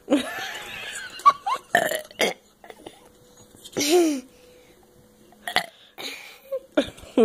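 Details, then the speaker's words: Several loud, drawn-out voiced burps in a burping competition after drinking soda (Sierra Mist), with brief voices and laughter between them; ordinary belching. "you four have a good burp let me see I was pretty good there anymore for you to drink"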